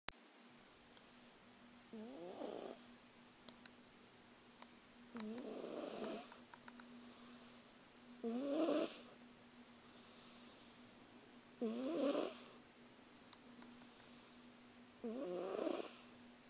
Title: Funny Cat Snoring Videos Compilation